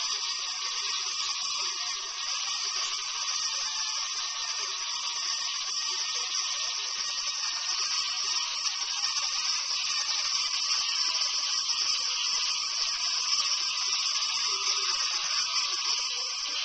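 Steady high-pitched whine of a dental drill running continuously during a tooth filling, with faint room noise.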